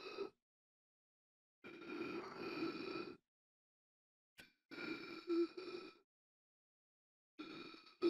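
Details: Sound-effect recording of repeated strained, voiced gasping breaths, about three drawn-out gasps separated by silent gaps, like someone struggling for air; gasping.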